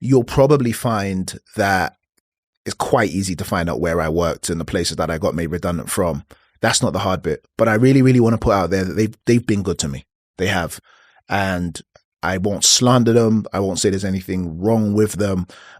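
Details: Adult man who reports having a stutter; stuttering.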